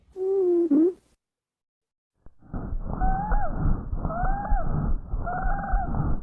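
Musical, high-pitched whistling over breath noise in repeated cycles: wheezes, from airways narrowed by bronchospasm.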